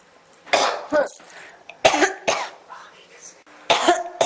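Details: Cough that won't stop: repeated harsh coughs, about five bursts in four seconds with short catches of breath between; persistent cough.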